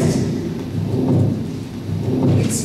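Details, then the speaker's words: Continuous to-and-fro machinery murmur from an arteriovenous fistula, in a patient the house staff had suspected of pneumonia, TB and aortic regurgitation: an unbroken low rumble that swells and fades without a pause. "this thing is a NeverEnding to and fr Machinery like training tunnel more and more that is continues"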